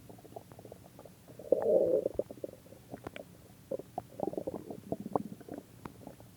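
Low gurgling rumbles from the belly with a louder growl midway, ordinary stomach growling (borborygmi) from gas and fluid moving through the gut.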